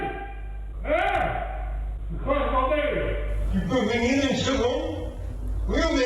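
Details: Sleep-talking recorded in a French sleep study, with sleepers wearing sensors and being filmed. A sleeping man talks in loud, emotional, partly vulgar bursts of speech, typical of somniloquy.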